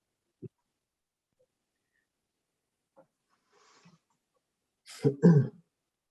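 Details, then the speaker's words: Dog snoring in another room, heard during an online meeting: mostly quiet with soft breathy sounds, then one louder rough snorting breath. "okay sounds like your dog agrees is he snoring he sounds like he's not snore away she's actually the other room snoring so you can hear"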